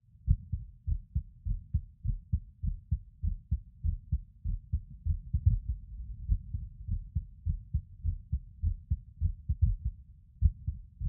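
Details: Adult male's skipping heartbeat recorded while lying on his bed: irregular rhythm with skipped beats.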